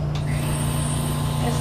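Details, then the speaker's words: Nebulizer compressor machine, the home or long-term-care type, switched on with tubing attached to aerosolize medication for a patient's breathing treatment: steady low mechanical hum running without a break. "one is to use a machine like this this is what they use in longterm care or in Subacute rehab and in people's homes many people have a machine like this at home this machine machine you hook your tubing here and you turn the machine"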